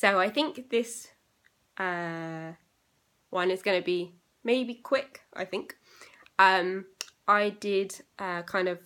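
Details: Young woman with aphasia eight years after a stroke at age 18; still has problems with reading, writing and saying numbers.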